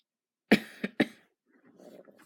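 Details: Three quick, harsh coughs in a short run, then faint background rustle; cough.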